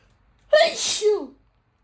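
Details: Cat sneezing, tagged as having a cold: a single sharp sneeze, quick intake then explosive burst, in a quiet room.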